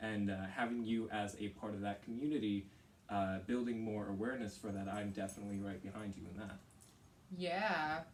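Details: Teenage boy; typical speech.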